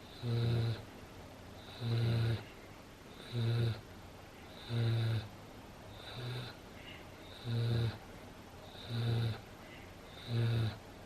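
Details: Snoring during sleep 5 minutes after a long walk, play with a favourite toy and 10 minutes of zoomies: regular low rumbling snores with each breath, about 42 a minute, quiet between snores.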